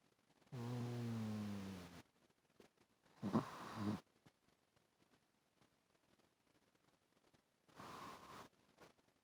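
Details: Kona asleep on the owner's chest, snoring: soft snoring breaths in short bursts with quiet gaps, recorded faintly up close on a phone with poor audio.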